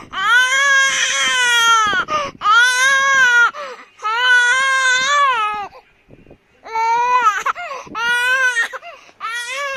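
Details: A baby crying.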